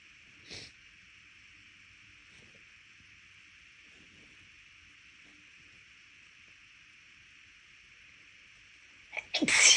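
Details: Deliberately induced sneezing from a lingering left-nostril tickle weeks after an illness. Quiet room with a steady hiss, a small sniff early on, then a loud, explosive sneeze at the end.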